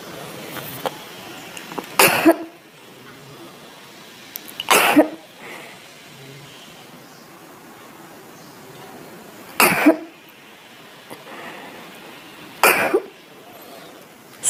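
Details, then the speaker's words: Dry, short cough with suffocation in between, four short dry bursts separated by quiet pauses, described as a Lachesis cough in laryngismus and asthma complaints; patient feels something stuck in the throat that rises on coughing and drops back; dry cough. "कफ जो है वह dry है suffocation है बीच में ठीक है [संगीत] कफ विच इस short but with D suffocation इस प्रेजेंट ओके"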